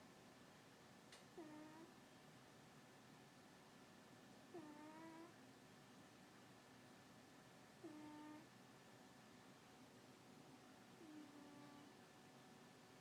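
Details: A female cat sleeping during the day gives soft, squeaky, whistle-like snores at about 18 per minute over faint room hum. Snoring.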